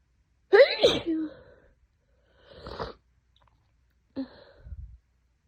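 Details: Adult with a head cold for two days, nose burning: one loud voiced sneeze with a rising inward gasp, then two softer sneezes a few seconds apart; repeated sneezing.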